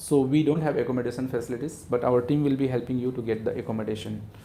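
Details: Adult male speaker; normal speech.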